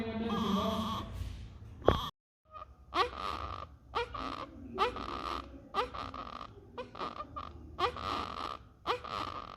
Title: 👶Baby with GRUNTING(Expiratory Wheeze Sound in baby under Respiratory distress)🔈🔉🔊